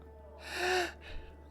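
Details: Vtuber during a live stream with repeated sneezing: a single sharp, voiced in-breath gasp, like the intake before a sneeze, with a faint breathy release after.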